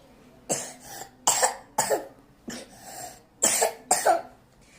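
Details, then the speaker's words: Young child sick with fever and cough gives six sharp, wet, productive-sounding coughs in close succession; coughing brings on vomiting, recent bleeding was a nosebleed, and the child reportedly doesn't want to take the doctor's medicine; cough. "Hmm? Batuk. Gimana batuknya? Udah minum obat belum?"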